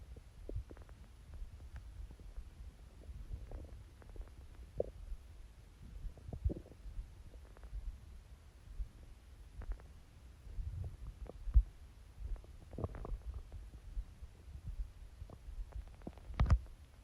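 Quiet, irregular gurgles and low watery rumbles from the belly over a soft hiss: stomach growling, a normal sound of digestion.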